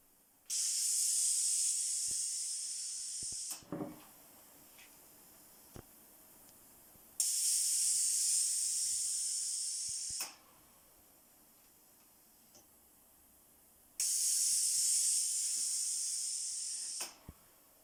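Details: Low-cost COVID-19 mechanical ventilator prototype with pneumatic valves under pressure testing: three long hissing gas bursts, each ending with a valve click, as the ventilator cycles.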